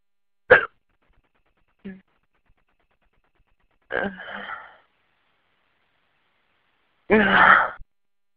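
Four brief voiced gulping sounds separated by silence, some with a trailing breath; hiccups.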